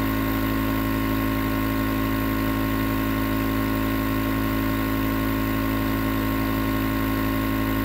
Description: Enjoy 20 minutes nebulizer sounds that can help to relax the mind and body, relieve stress and make fall asleep fast.